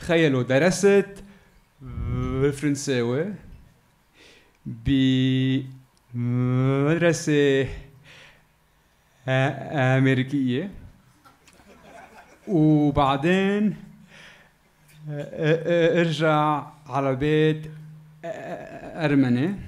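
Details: Adult man who has stuttered since childhood in Lebanon, performing stand-up comedy; stuttering.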